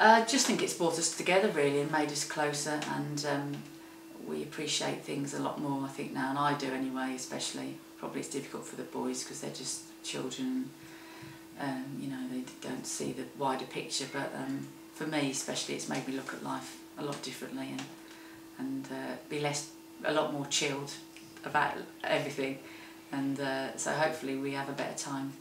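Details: Adult woman speaking; normal speech.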